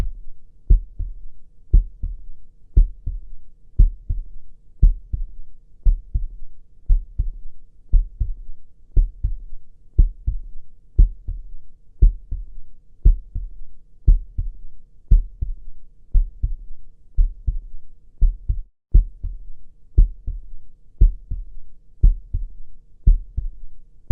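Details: Heartbeat sound used in an ASMR clinic roleplay: steady, regular paired low thumps at about 58 beats a minute.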